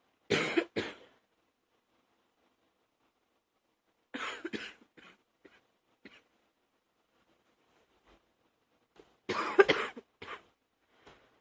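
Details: Morning cough: three clusters of harsh coughing, each two or three bursts, separated by quiet pauses, in a small room.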